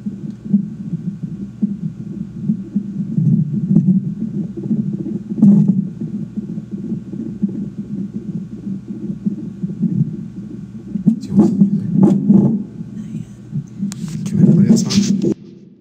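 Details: Fetal heartbeat of baby boy on Doppler while parents talk to him: fast rhythmic whooshing pulses, rate noted around 170 then down to 136 beats per minute, brief rustling near end.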